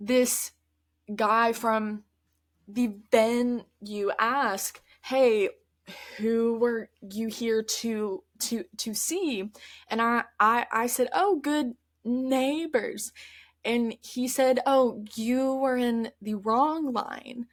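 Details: Adult woman who stutters, mostly with repetitions and prolongations of words, speaking conversationally; stuttering.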